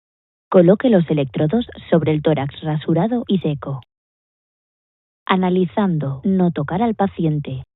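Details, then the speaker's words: Defi5s Extra AED with ECG display giving voice prompts: "attach pads to patient's bare chest, do not touch patient, analyzing heart rhythm, please wait", then the prompts repeated in other languages. "attach pads to patients bare chest do not touch patient analyzing heart rhythm please"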